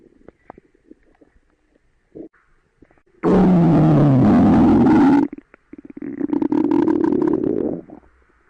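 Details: Two loud, gurgling rumbles from the belly after quiet clicks: ordinary stomach growling (borborygmi).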